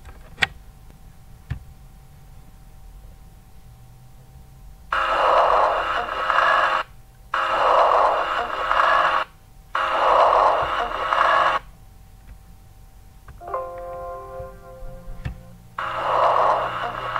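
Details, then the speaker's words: Simulated breath sounds from a simulation-centre simulator with coarse, low-pitched, snore-like rumbling through the breaths; rhonchi. "vamos ouvir os roncos então e é alguns casos e eles lembram literalmente alguém roncando que é um dos padrões que a gente tem que lembrar"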